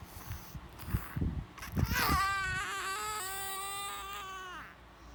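A few fussy sounds build into a sustained, high-pitched infant cry lasting about three seconds, then fading.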